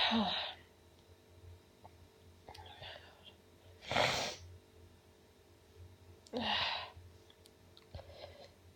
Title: Only nonstop sneezing